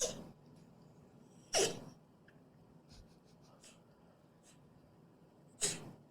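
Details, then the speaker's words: Cat with sudden, harsh snorting bursts through the nose; owner likens it to the reverse sneezing her Shih Tzu had and asks whether it relates to cat asthma; sounds like wanting to vomit but not gagging: reverse sneezing. "now doesn't he sound like it's like he's he wants to like barf but he doesn't he's not gagging he's lit like sneezing or something well it sounds like what my Shih Tzu growing up always had reverse sneezing"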